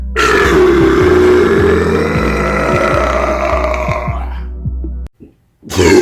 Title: EPIC BURP COMPILATION ~